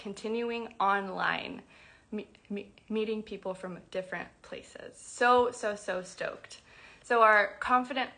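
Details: Adult woman who describes herself as a person who stutters, speaking spontaneously; stuttering.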